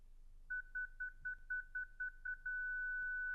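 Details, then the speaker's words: Zoll Zenix hospital defibrillator charging after the Charge button is pressed, with external paddles placed sternum and apex in an instructional demonstration: rapid pulsed beeping becomes a steady continuous tone once the chosen energy is reached. "Appuyez sur le bouton Charge sur la poignée apex ou sur Zenix."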